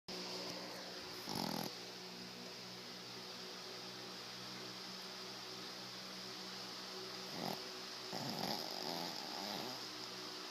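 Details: Sleeping dog snoring, likened to a hog, while making chewing motions like a cow chewing its cud, with eyes crossing: soft, rattling snores over a steady room hum; ordinary dog snoring.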